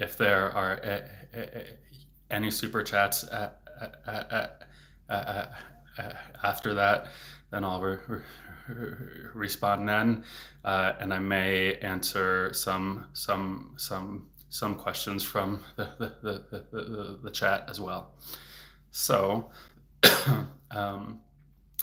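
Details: Adult man, a speech-language pathologist, stuttering since age eight, more severe as a teenager, currently in a period of stuttering more; stuttering.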